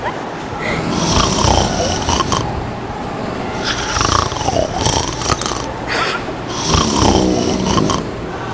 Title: snoring like a log